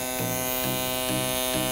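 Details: Microneedling pen running over abdominal stretch marks after copper HA mist, final buffing pass: steady electric buzz of a small motor with a faint pulse about twice a second.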